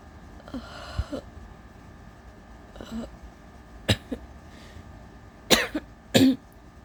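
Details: Breathy, emotional build-up breaths, then a few short coughs and throat-clearing bursts while trying to hold back allergy sneezes; the person is exhausted, shivering, nauseous and feverish but says it is not a cold.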